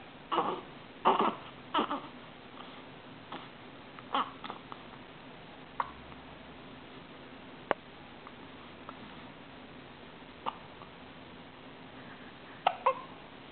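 Short, abrupt catching sounds recur irregularly over a quiet room, fitting hiccups, a sudden involuntary spasm that snaps the breath shut.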